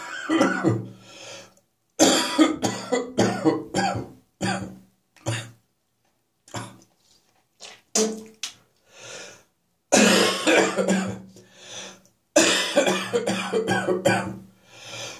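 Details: Repeated harsh hacking coughs in clusters, with throat clearing between bouts, in a persistent morning cough that is still lingering: cough.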